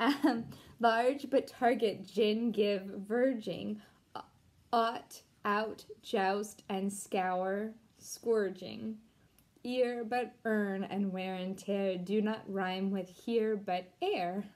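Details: Deaf speech in a Deaf woman who was once completely mute and taught herself to talk again, reading an English poem aloud without being able to hear herself.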